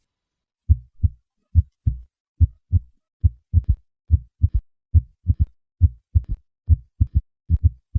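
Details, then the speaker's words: Three normal beats, then a third heart sound added, then a fourth: a quadruple rhythm at a heart rate below 90 beats per minute, the third sound in early diastole, the fourth with atrial contraction; S3 and S4 gallop. "At heart rates below 90 beats per minute, there can be a quadruple rhythm. Listen to a patient with both a third and fourth heart sound."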